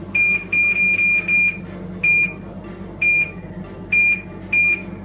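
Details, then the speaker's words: ASIO oxygen concentrator being switched on and its timer set: a series of short high-pitched electronic control-panel beeps. "आइए इसको चालू करते हैं इस तरह ऑन हो जाता है"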